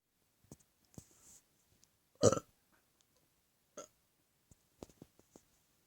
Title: More Burps!